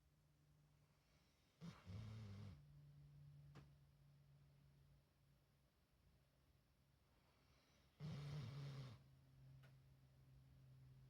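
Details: Sleeping Catahoula dog snoring; two soft, snorting snores about six seconds apart over a steady background hum.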